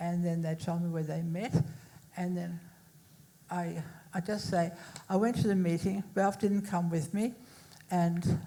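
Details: Woman who had a major stroke in 1991 at age 40 (recorded 2024) and left hospital able to say about six words, with poor reading and writing; speech since improved but some difficulty remains: residual post-stroke aphasia.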